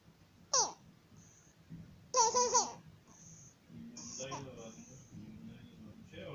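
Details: 50-day-old infant with laryngomalacia: brief high-pitched, crowing inspiratory stridor from a floppy upper airway.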